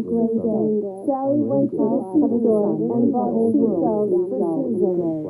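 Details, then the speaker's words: Simulated high-frequency sensorineural hearing loss: speech with slight background noise sounds muffled, mumbled and underwater-like, crisp high sounds missing, so locating the talker's voice takes concentration. "just notice how everything just sounds a little bit kind of underwater a little bit muffled"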